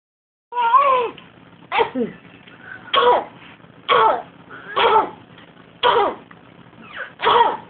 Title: BABY FAKE COUGH